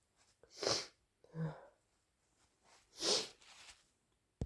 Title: Messy flu sneezes plus snotty blows 🤧🤧